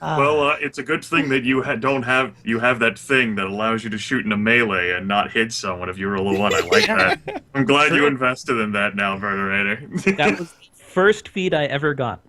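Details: Adult male speaker; ordinary speech.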